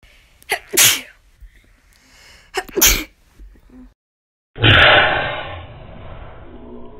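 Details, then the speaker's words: Person with allergies, recorded in winter after allergy season, sneezing twice: forceful sneezes, each preceded by a quick in-breath, followed by a burst of loud noise. "my allergy season is over it is winter and I was sneezing a lot more in the fall so that's why I was able to post so much a couple months ago"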